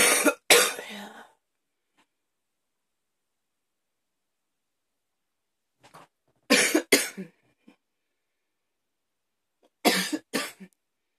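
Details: Hard, harsh coughing fits in the afternoon, leaving the person tired: three bursts of forceful coughs, two or three each, separated by quiet pauses.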